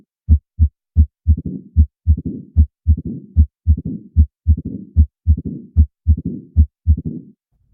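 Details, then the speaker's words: Mitral stenosis: an opening snap after S2 as the pressured left atrium forces the stenotic valve open, followed by a low rumbling diastolic murmur each beat, with a regular heartbeat near 75 per minute; audio teaching sample. "this is where the left atrium is trying to press against the stenotic valve and then finally when there's enough pressure in the left atrium it can snap open so this is as we said before called the opening snap"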